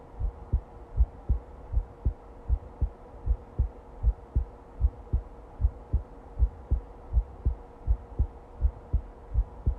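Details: Ordinary heartbeat: steady, regular low thumps at about 79 beats a minute, with a faint steady hum underneath.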